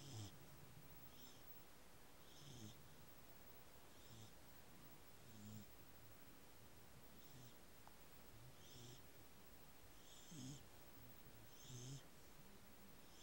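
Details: Beagle asleep after a very exciting day, recorded just before waking. Soft rhythmic snorting snores about every 1.5 seconds over a steady hiss. Snoring.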